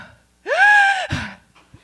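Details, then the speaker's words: Imitated asthma-attack breathing performed on stage by an emergency room nurse: a single loud, high-pitched whooping gasp, then a brief rough exhale. Not a real patient. "Does anybody know what that sounds like? Not that. It does sound like asthma. This is what a patient sounds like when they're having asthma attacks."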